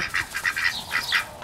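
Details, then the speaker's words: Wheezing in a rooster with suspected respiratory infection, also sneezing: a rapid run of short, squeaky, raspy breathing noises. "that wheezing so I'm going to treat him and everything tonight"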